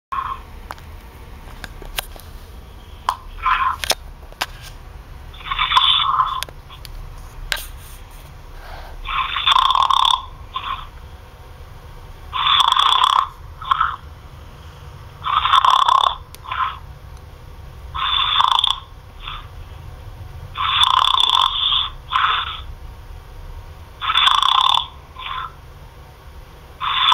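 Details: Loud, rhythmic snoring from an adult who fell asleep on a phone call, thin and tinny through the phone line, about 20 snores per minute; he snored for an hour.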